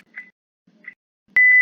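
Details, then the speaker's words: Simulated ventilator alarm in a LabVIEW mechanical ventilator simulation: gas supply set above 50 psi (60) stops the system; short electronic beeps then a steady loud tone, a high-pressure alarm; after regulating to 45 psi, heating to 37 °C restarts the respiratory cycle. "detiene y resuena la respectiva alarma. Lo regulamos a 45, se sube la temperatura a 37 grados centígrados e inicia el ciclo respiratorio."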